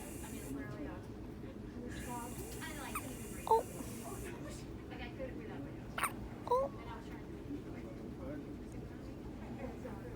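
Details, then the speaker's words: Squeaky, loud hiccups from a baby, 4 pounds 5 ounces and gaining weight, now feeding on demand: three or four brief high-pitched hiccups at irregular intervals over background hum with soft speech; hiccups. "has hiccups. Oh, and now they go away. Oh. So loud. Oh, you have squeaky hiccups. Oh my goodness, they're so squeaky."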